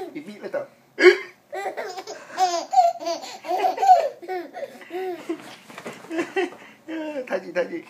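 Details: Baby laughing and babbling at their own hiccups, with a sudden sharp hiccup catch near the start amid giggles.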